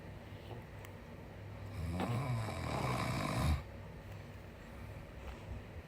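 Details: Father snoring while asleep, likely very tired: one long, rough, vibrating snore on an in-breath, with quiet room noise.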